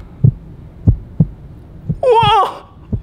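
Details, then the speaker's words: Heartbeat heard through a stethoscope in a children's science museum demo: soft, low thumps in rough pairs, with a brief whistling tone near the end. "and you know how else we can hear that is with a stethoscope whoa let's listen to your heartbeat"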